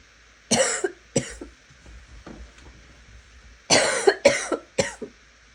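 Two bursts of harsh coughing, about six coughs in all, raspy to wet in quality with a slight barking edge, in a quiet room.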